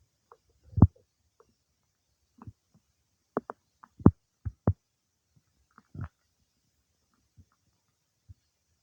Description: It's been quite some time since I ate the cake, but it's soon after that my tummy gets all worked up destroying what I eat lol